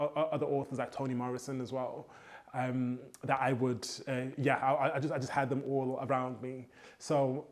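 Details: Adult male poet with a stammer since childhood, who says copying rhythmic hip hop flows helps his fluency; stuttering.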